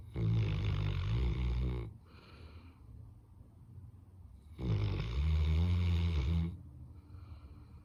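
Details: Labrador dog snoring: two long, loud, low rumbling snores about 2.5 seconds apart with quiet breathing between.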